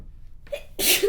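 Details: Someone with a runny nose takes a quick drawn-in breath, then gives one sharp, explosive sneeze.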